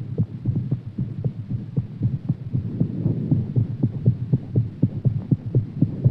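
Fast, steady, strong heartbeat at about 120 beats a minute over a low hum, a quickened heart rate after exercise.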